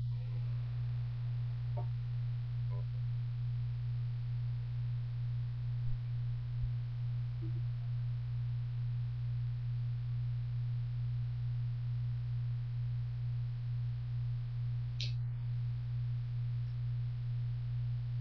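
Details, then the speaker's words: Fetal heartbeat at 13 weeks 6 days on a home fetal Doppler: fast, rhythmic, strong whooshing pulses over a steady hum, rate measured at 157 beats a minute. "if you guys can hear that like Fast beating right there that's the baby's heartbeat right there that's nice and strong"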